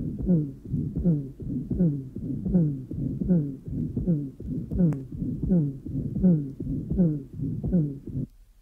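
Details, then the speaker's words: 35-year-old man with ruptured aortic valve cusp from subacute bacterial endocarditis: high-pitched musical 'cooing dove' or seagull aortic diastolic murmur; second heart sound normal, systolic murmur also present. "here is an example of this coing Dove or seagull MMA the patient is a 35-year-old man with a ruptured cusp due to Subacute bacterial endocarditis"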